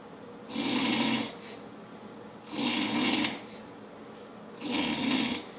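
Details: Loud, regular rattling snores on each breath in, about 29 a minute, with quieter breaths out between them over a steady background hiss; snoring.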